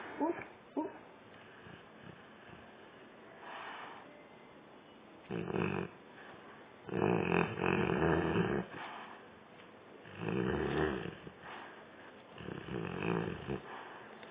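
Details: Sleeping dog, possibly dreaming: rough, rumbling snores with louder bursts every few seconds and quieter breathing between, light room noise; snoring, with sleep talking mentioned.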